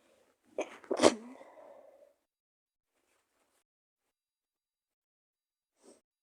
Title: cold sneezes 🤧🦠